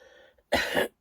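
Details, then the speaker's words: A single harsh cough burst after quiet speech from an adult woman whose cold has taken a worse turn. "I don't know how long it'll be and I probably will cough and splutter through it. So, sorry about that."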